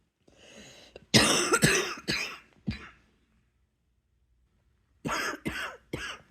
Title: # 149 tonight's coughing attack, luv u